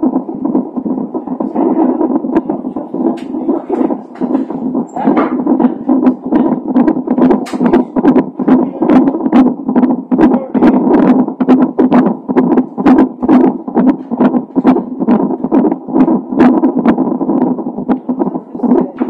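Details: Fetal heart tones of a baby with Down syndrome, recorded a few hours before birth: rapid, steady whooshing pulses at about 140 beats a minute over a constant hum.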